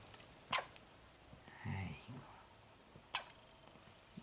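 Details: Newborn baby girl's first hiccups: two sharp brief hiccup bursts about two and a half seconds apart with a faint infant vocal sound between; newborn hiccups.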